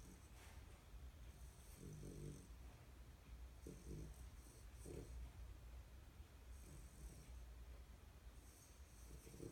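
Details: Snoring during sleep, possibly while dreaming: soft, low rumbling snores recur every couple of seconds over steady background noise.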